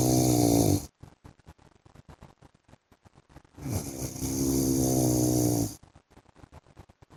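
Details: Two loud, rattling snores from a sleeping husband on the in-breath, each about two seconds, separated by quiet breathing and clicking sounds; typical adult snoring.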